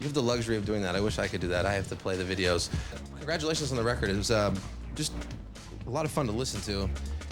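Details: Adult male speaker (television interviewer); Normal voice.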